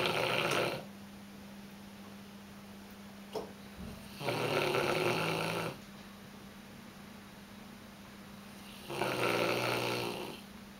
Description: Caspar a Tibetan Mastiff who snores very loudly!